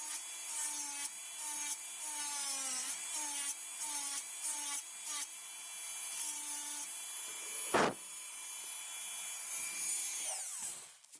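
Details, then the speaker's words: Dental high-speed handpiece cutting the distal slope of the mid-buccal cusp, occlusal reduction of a typodont mandibular first molar (tooth 36) for a full veneer crown: steady high-pitched whine rising and falling in short passes. "Firm finger rest. Completed the mesial slope. Now going ahead and preparing the distal slope."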